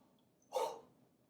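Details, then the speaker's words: Demonstrated huff, a forced expiration airway-clearance technique done with an O-shaped open mouth, open throat, relaxed upper chest and shoulders and stomach muscles pushing the air out: a single breathy open-mouthed forced exhalation that moves airway secretions up so they can be cleared. "the sounds that you're listening for when you have the sounds of the air flow coming out and the crackles of the secretions moving within your Airways"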